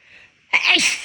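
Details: Sneezing weeks after an illness, with a lingering left-nostril tickle: a soft intake of breath followed by one sudden, hissing sneeze burst.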